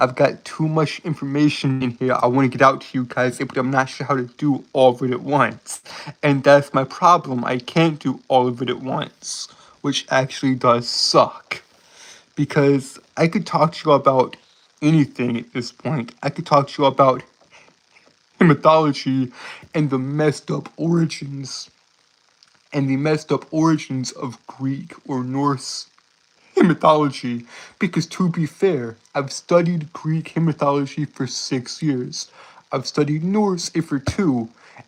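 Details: Stuttering in a male streamer who reports a speech impediment that makes him stutter and trip over his words.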